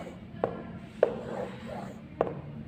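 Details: Aortic stenosis murmur, demonstrated by students as an experiment in a teaching session on cardiac valves and murmurs.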